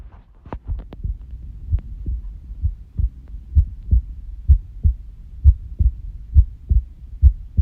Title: unusual heart sounds / いつもと違う心音 09